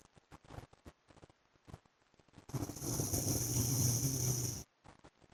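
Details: One long, harsh, rattling snore lasting about two seconds, between quiet clicking breath noises; an adult husband snoring in sleep.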